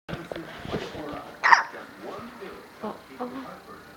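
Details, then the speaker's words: Baby girl with hiccups while falling asleep: soft infant vocal sounds with a single sharp, abrupt hiccup mid-clip. "falling asleep with the little hiccup. She is out."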